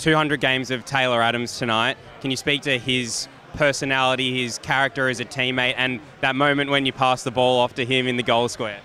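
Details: Adult male interviewer; normal voice.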